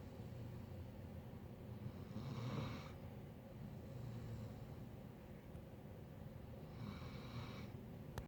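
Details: Male Doberman dog snoring: soft, low fluttering snores on two breaths, about eight breaths a minute, over steady room hum; quiet snoring.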